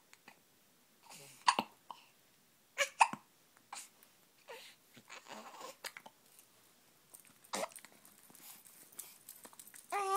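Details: Infant hiccups: brief, sharp, irregular hiccup sounds, roughly one every couple of seconds, in a quiet room.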